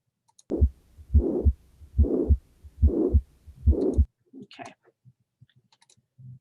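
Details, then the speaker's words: Teaching-quiz recording of a systolic murmur: a regular heartbeat at about 75 a minute with a harsh blowing sound filling the gap between the first and second sounds; holosystolic murmur of mitral regurgitation. "let's see what you said about what would cause this one this murmur oh so 58 of you got this one correct with mitral valve regurgitation so absolutely"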